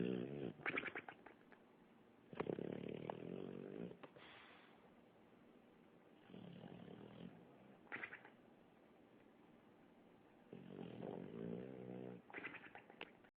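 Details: Sleeping dog snoring so loudly the owner likens it to sleep apnea: loud, rattling snores on the in-breaths, uneven in length, with quieter gaps between.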